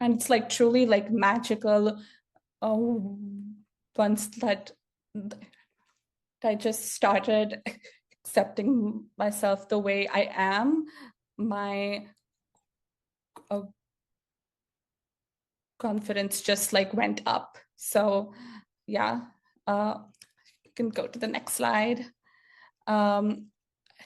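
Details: Adult woman who has stuttered since childhood, which she says speech therapy did not improve; stuttering heard in her speech.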